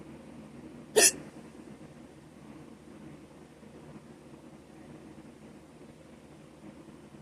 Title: Short hiccups - audio only